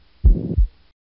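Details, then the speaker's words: Ventricular septal defect murmur, best heard at the tricuspid area: one heart cycle with a harsh holosystolic murmur filling the whole gap between the two heart sounds, not radiating to the axilla. "this murmurs best heard at the tricuspid area because the right ventricle is closest to the chest wall on auscultation this is a holosystolic murmur because the ventricles contract throughout the duration assist aliy by definition"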